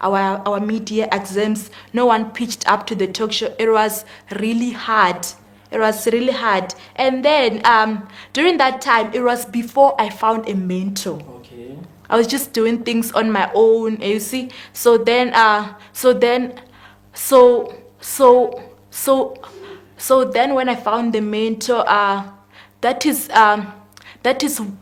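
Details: Male speaker who confirms he has a stutter, which is audible during the interview: stuttering.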